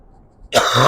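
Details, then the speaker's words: Adult with a persistent dry cough, no mucus or phlegm, nose mostly clear, otherwise feeling fine: one sudden, harsh cough burst breaking a quiet moment, cut off at the end. "I still got this stupid ass cough as you can hear feel perfectly fine every day"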